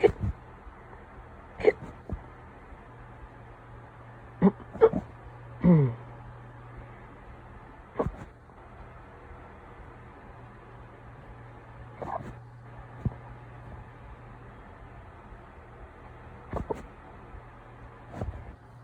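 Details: Deep, painful hiccups after drinking beer: about a dozen abrupt, deep, gulping catches at uneven intervals over quiet room noise.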